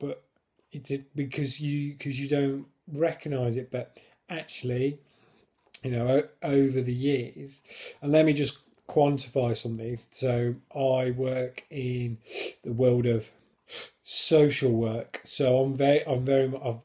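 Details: Adult man who stammers, now controlled with a technique learned on a course (words get stuck or blocked without it); stammering.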